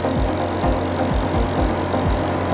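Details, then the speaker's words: Steady loud motor hum with rapid rhythmic knocking pulses from an Apollo compressor nebulizer running normally while inflating a balloon. "तो यह guys आप देख रहे हैं की नेबुलाइजर से हम बैलून को फुल रहे हैं और अच्छे से फूल रहा है"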